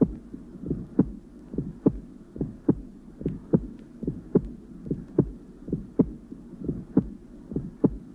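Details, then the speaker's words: Patient with hypercholesterolaemia, mild aortic stenosis and radiologically dilated ascending aorta, recorded over aortic area with breath held in expiration: regular heartbeat near 72/min, sharp high-pitched aortic ejection click just after the first sound. "The Click will be heard just after the first sound and can be distinguished from from a split first heart sound by its high-pitched clicking"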